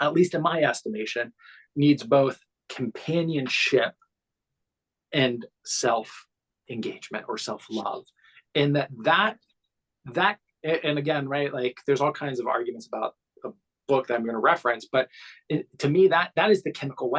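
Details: Adult man who has stuttered since childhood, with almost 10 years of childhood speech therapy, also dyslexia and dyscalculia; stuttering.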